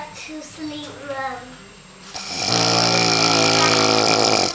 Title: Loud Snoring Hubby